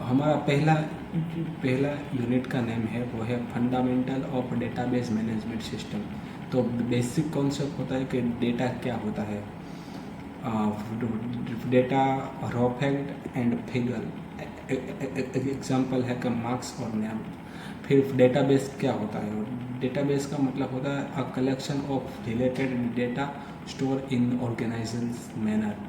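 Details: Adult man who stammers, doing daily speech practice (tongue and lip exercises, tongue twisters, breathing, story-telling); stuttering.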